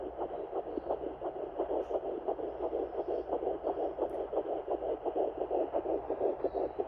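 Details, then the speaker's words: Fetal heartbeat at 10 weeks 2 days pregnant on a Sonoline B home Doppler: fast, regular whooshing pulses, about 170 a minute, much faster than the mother's; device reading doubted as inaccurate. "now you'll know that it's a baby's heartbeat because it's going to be way faster than yours there it is there we go I don't think that's an accurate heart rate on there right now but you can hear it"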